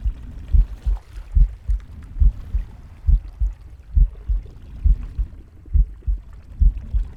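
Steady low double thumps around 70 a minute with soft whooshing breath and faint gurgles; a normal heartbeat with breathing.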